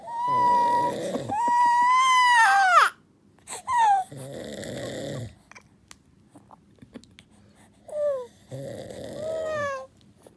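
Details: Infant held in father's hug while he sleeps: loud wailing infant cries alternating with his low rumbling snores; baby crying because of father's snoring; infant crying.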